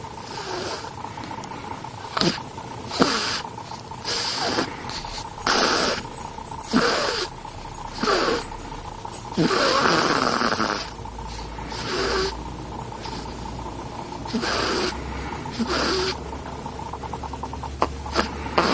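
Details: Ten-day-old snoring: repeated short snorting snores every second or two, with a steady background hum.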